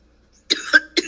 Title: Cyber bullying and coughing through the lies. #walmart #jessicalovesjesus #iRodney